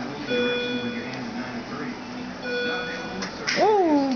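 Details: A brief, sharp infant sneeze near the end, over soft steady tones and room sounds, followed by a "God bless you."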